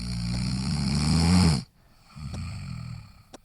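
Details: Snorer: one long, deep, vibrating inhaled snore, then a pause and a softer rumbling breath; snoring.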